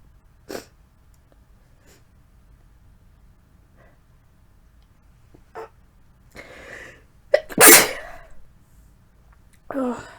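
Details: Adult sick with a cold that isn't progressing normally, inducing sneezes: quiet sniffs and breaths, then a loud, forceful sneeze and a second burst.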